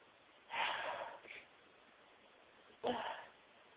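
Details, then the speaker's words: Two sharp sneezes with a brief catch between them, part of a huge sneezing fit of over 60 sneezes with build-ups, stifles and wet nose blowing; nose all wet, "so sneezy today." "Oh dear. Excuse me. Oh, so sneezy today."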